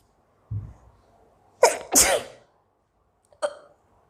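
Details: Sneeze from a young Indian girl with prolonged hiccups: a soft hiccup-like catch, then a sharp two-part sneeze and a smaller sneeze or cough in a quiet room.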